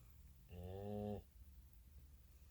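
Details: A single drawn-out, low, buzzing snore lasting under a second in a quiet room.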